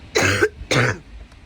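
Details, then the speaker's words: Adult who is ill and staying indoors, with a daughter also coughing at home: two short, harsh coughs in quick succession, faint throat-clearing quality, quiet room; acute cough. "you can hear my cough sorry so you know I'm in no position to go outside"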